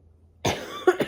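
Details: Adult with a sore, hot throat, headache, muscle aches and a nearly lost voice: near silence, then one harsh cough burst and a brief second expulsive sound, a short cough.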